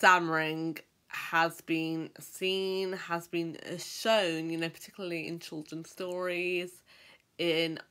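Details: Adult who stammers, speaking; stammering.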